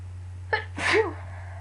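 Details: Person who is sick: a quick inward catch of breath, then one sharp sneeze over steady background hum; sneezing while ill.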